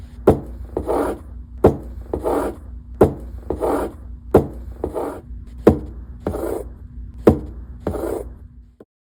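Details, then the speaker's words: Rasping crescendo-decrescendo murmur swelling then fading after each heart sound, about 44 beats a minute, in a cardiac exam teaching recording: aortic stenosis murmur from a narrowed aortic valve. "Let's listen to what the crescendo decresendo aortic stenosis murmur sounds like."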